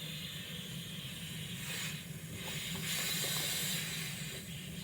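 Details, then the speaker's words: Oxygen flowing into a non-rebreather mask during respiratory therapy competency pre-oxygenation before nasotracheal suctioning: steady hiss rising briefly then easing as reservoir bag inflates, before flow is turned down. "the non-rebreather get that plugged in aseptically get my bag inflated but i'm going to turn it down in a second so you guys can hear me better"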